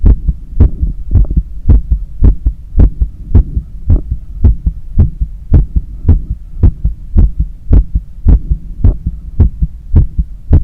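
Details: Normal heart sounds auscultated during cool-down after a long run: strong, regular lub-dub beats at about 110 per minute, a fast but normal rhythm.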